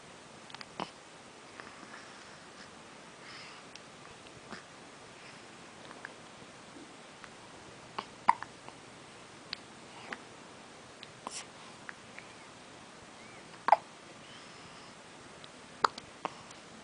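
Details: Infant hiccups: soft, sharp, click-like catches spaced irregularly in a quiet room.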